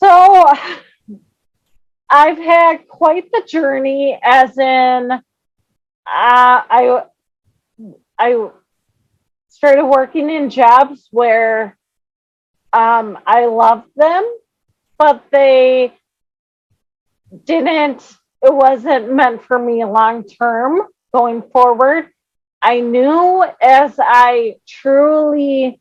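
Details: Adult woman with cerebral palsy who finds long phrases hard to say; dysarthric speech in cerebral palsy.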